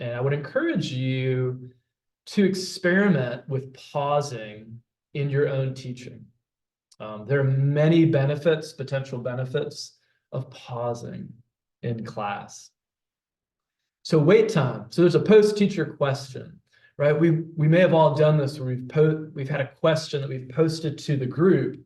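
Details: Adult male speech-language pathologist who stutters, recorded during a lecture; real stuttering.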